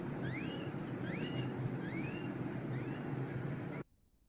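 Short, high, rising voiced sounds with each rapid breath, about 70 a minute, over heavy low rumbling noise: expiratory grunting.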